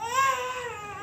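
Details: A young child's drawn-out wailing cry, pitch rising then falling; ordinary crying.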